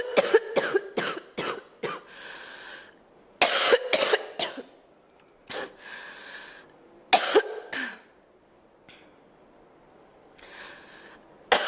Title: Girl Coughing 362